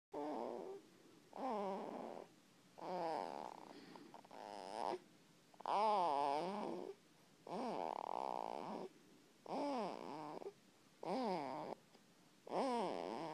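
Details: Sleeping cat snoring: rhythmic purring-snore noises with each breath, about eight cycles in thirteen seconds; ordinary snoring.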